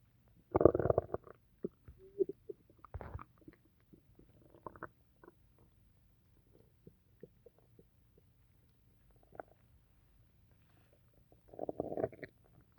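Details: Stomach noises after drinking tea, which the person says always sets their stomach off: irregular gurgling and bubbling bursts with quiet gaps, louder at the start and end, borborygmi.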